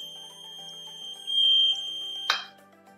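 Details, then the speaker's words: Invacare Perfect oxygen concentrator high-pressure alarm test, with pressure build-up and compressor shutdown: steady high-pitched continuous alarm over faint music ending with a short burst, with service indicator light; oxygen concentrator alarm. "This is done to protect the system from operating against high pressure. The continuous audible alarm is also accompanied by a lead service indicator light."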